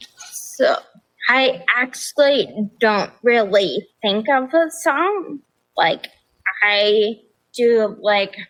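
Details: Adult woman with progressive ataxia of still-undiagnosed type despite many genetic tests, onset at age 26, affecting nerves, balance and speech, with nerve pain; mainly a wheelchair user: ataxic dysarthria.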